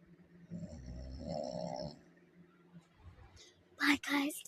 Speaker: My mom is snoring here. She called me snoring. Now I'm catching her snoring.